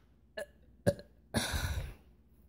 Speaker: okay I'm being really Burpee today uh sorry um I guess this is now this is going to be the grand finale ready uh